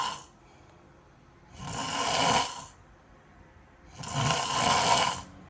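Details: Child snoring very loudly: harsh snores, two full breaths with quiet pauses between, about twenty breaths a minute; snoring.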